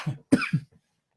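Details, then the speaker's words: Three short, harsh hacking cough bursts in quick succession from an adult man, left over after a week-long bad cold, in a quiet small room: cough. "apologise I've had a stinking cold all week I've had the man flu I've been on the verge of death and I've been left with this this horrible hacking cough so apologize in advance"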